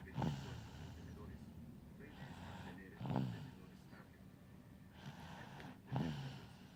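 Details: Baby girl asleep after tiring trick-or-treating, snoring loudly: three snorting breaths with a nasal rattle, roughly every three seconds, about 20 a minute.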